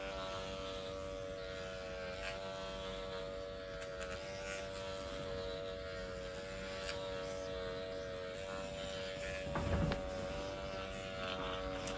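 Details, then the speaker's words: Steady electric buzz of a microneedling pen running continuously, moved up-down and side to side across the bony forehead, with light tapping and handling noise; skin shows erythema and pin-prick bleeding during microneedling treatment training. "so we're moving in an up and down motion like this and moving across moving along as we go we're not holding the pen still at any point and then we're also working side to side"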